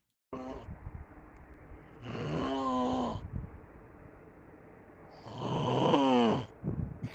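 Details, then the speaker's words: A person snoring during the night, recorded by their mother: two loud, rattling snores on inhaled breaths with quiet gaps between, in a small room; snoring. "eu peguei um pano vou achar nunca esse vídeo que minha mãe gravou eu roncando essa noite"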